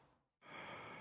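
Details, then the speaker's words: During a respiratory examination, the patient takes a deep breath in and out through an open mouth as asked: one steady, soft rush of air ending in a click, normal deep mouth breathing. "please could you take deep breaths in and out with your mouth open"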